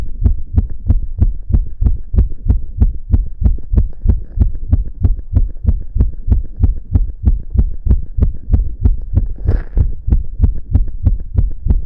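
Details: Long recording of a boy's fast heartbeat, visibly pounding in his chest: steady, quick, deep, even thumping against a low hum, a rapid regular heartbeat.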